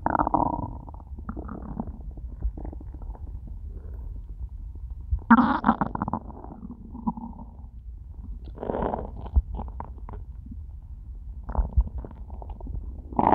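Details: After eating nothing all day, repeated low gurgling and rumbling bursts from the belly; stomach began to hurt by the end; hunger-related borborygmi.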